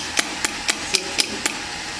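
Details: Electromagnetic shockwave therapy handpiece firing on a shoulder pain point: sharp evenly spaced clicks, about four a second, over steady room hum.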